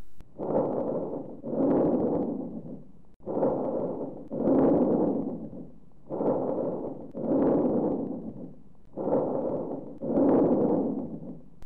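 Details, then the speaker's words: Bronchovesicular breath sounds over the right infraclavicular and interscapular regions: four regular cycles of rustling but harsher airflow, with prolonged expiration and no gap between inspiration and expiration. "They have a rustling quality like vesicular sounds but are harsher, expiration is prolonged, and there is no gap between inspiration and expiration."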